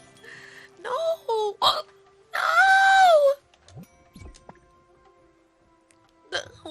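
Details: A female streamer with hiccups during a live stream: sudden, sharp, gulping hiccups break up her speech and a drawn-out cry, with soft background music; she says one moved her whole body.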